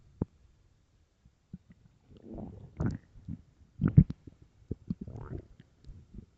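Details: Extremely empty, starving stomach: deep, loud gurgling growls with irregular rumbles and pops in a quiet room; ordinary hunger borborygmi.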